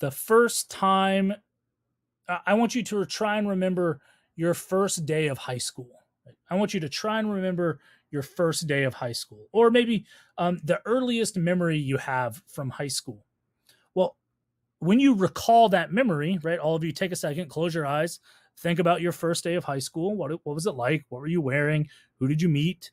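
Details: Adult speaker; Normal speech.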